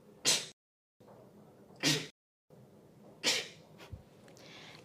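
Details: Three sharp, hissing bursts about a second and a half apart, a run of sneezes, in a quiet room.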